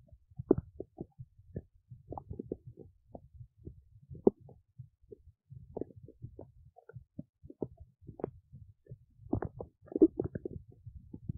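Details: Adult woman's belly while digesting oats: frequent, irregular and varied gurgles, squelches and pops. Ordinary digestive bowel sounds.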